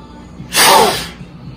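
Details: Adult man (father) gives a single short, forceful half-second huff into a peak flow meter while the family checks lung performance, after readings of 540 and 290 by others; followed by a reading of 550.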